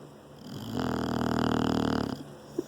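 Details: English bulldog sleeping in a lap: one loud, fluttering, throaty snore on the in-breath, lasting over a second; snoring in a flat-faced dog.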